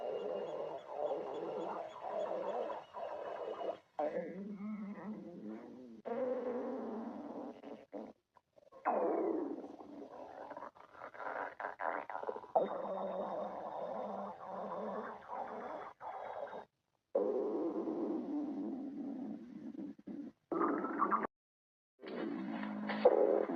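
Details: Long rumbling, gurgling and groaning stomach noises with rising and falling pitch, separated by brief quiet gaps: stomach growling (borborygmi).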